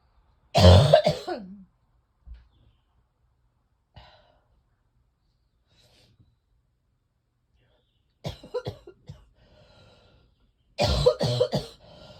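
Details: Three bouts of deep, heavy coughing with quiet pauses, from someone whose chest feels like cement with congestion not yet breaking up, coughing repeatedly; chesty cough.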